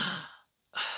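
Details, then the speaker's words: Simulated obstructive sleep apnoea episode as heard in a snoring child: an adult imitates a breathy exhalation, a silent pause with no breathing, then a sudden loud catch-up gasp ending the apnoea. "you get that catch-up breath okay so that's an epic episode with a catch-up breath"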